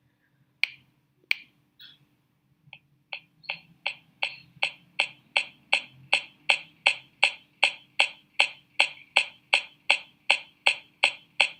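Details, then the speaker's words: Teaching example of percussion over the right hypochondrium: short, sharp, high-pitched, low-intensity taps with no ringing, about 160 a minute; a normal dull note over the liver. "Está, chicos, eso que escucharon anteriormente es el sonido mate, que normalmente lo vamos a encontrar en el hipocondrio derecho y va a ser por el hígado."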